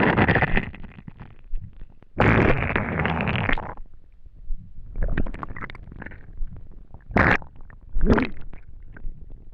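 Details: Empty, hungry stomach after not eating for a day: irregular low gurgling and rumbling bursts with short squeaky, bubbling sounds between: borborygmi.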